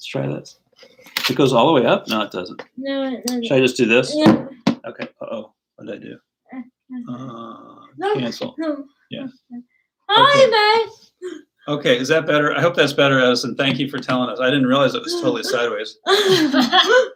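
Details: Adult man speaking; typical speech.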